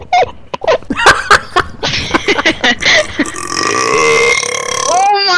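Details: Gamer burping: a quick run of short voiced belches, then one long drawn-out burp, not a hiccup.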